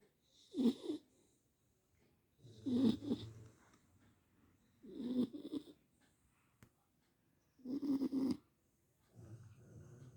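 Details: Beagle dog sleeping, snoring in regular rough bursts, about five snores over ten seconds, with quiet pauses between; snoring.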